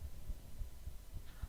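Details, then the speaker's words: Adult's own heartbeat played through a microphone against the chest: steady, muffled low thumps with a faint hum; earlier take had odd gurgling, possibly from the tummy. "ind my heartbeat earlier and it wasn't working. I wonder if it'll work now."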